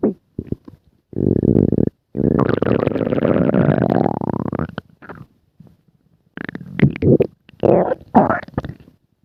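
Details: Long, low gurgling and rumbling with rising squeaky tones and short bursts, from several people's stomachs: stomach growling (borborygmi).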